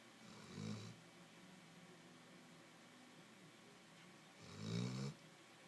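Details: Dog snoring very loudly while asleep in a home office: two rumbling snores about four seconds apart with quiet breathing between.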